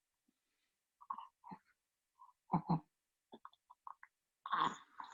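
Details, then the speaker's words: Infant with laryngomalacia, home video sent by the mother at follow-up about 50 days later (nearly four months old): short, low croaking inspiratory stridor, still noisy; baby comfortable, not irritable, with less noise when not feeding. "então assim bem barulhento ainda né é um vídeo que ela mandou de casa"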